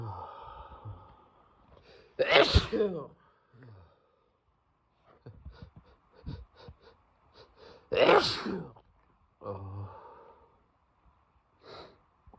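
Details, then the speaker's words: Person with a cold, congested and runny nose, persistent tickle, sneezing repeatedly: two forceful sneezes, each with a sharp in-breath and explosive release, separated by quieter breathing and soft voice sounds. "congested running nose won't stop and I just keep sneezing over over and over again the tickle like never goes away"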